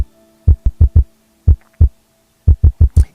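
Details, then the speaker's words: Heart murmur heard through a stethoscope: low heart thumps with a murmur from turbulent flow across a heart valve, played after a normal heartbeat for comparison. "esto que van a escuchar ahora es lo que escuchaba el colega hace muchos años con el Instituto como que por supuesto hoy lo sigue escuchando pero se puede corroborar mucho más fácil esto es un soplo"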